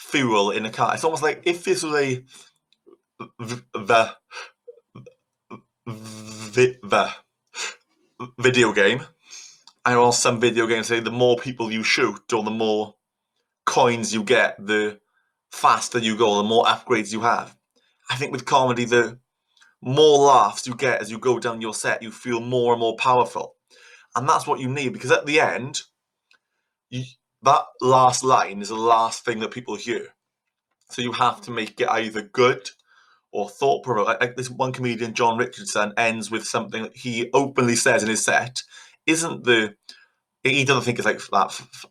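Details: Adult Welsh man who stutters, a stand-up comedian, teased at school for his stutter; repetitions such as "i i've"; stuttering.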